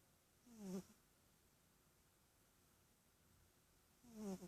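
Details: Sleeping cat named Spirit snoring: two rough, buzzing snores about three and a half seconds apart, separated by quiet breathing.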